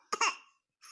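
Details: A baby boy makes a brief, high-pitched, voiced cough-like sound, playfully imitating coughing.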